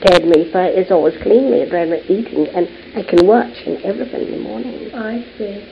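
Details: Patient with Wernicke's aphasia, a disorder typically caused by stroke affecting Wernicke's area in the left hemisphere; unable to answer simple yes/no questions; Wernicke's aphasia.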